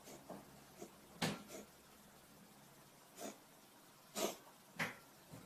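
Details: Cat coughing episode: a series of short, sharp, hacking bursts separated by brief quiet gaps, in a cat whose owner uses an inhaler to open its bronchioles.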